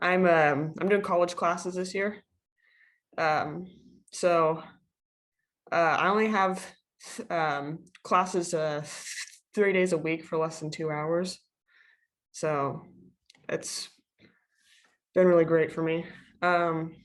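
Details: Female high school student taking college classes, a panelist among people who stutter; filler words and hesitations are heard. Finding: stuttering.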